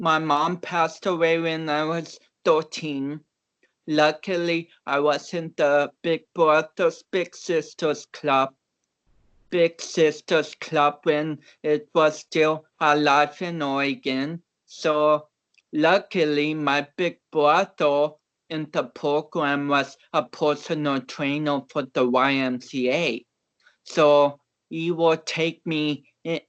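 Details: About 29-year-old male athlete with cerebral palsy, reportedly not expected to walk or talk; real conversational speech, transcribed with many garbled words, showing dysarthria due to cerebral palsy.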